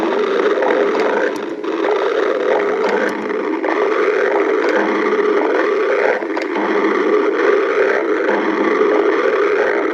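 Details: Stomach growling: continuous loud, low rumbling and gurgling that rises and falls; normal bowel sounds.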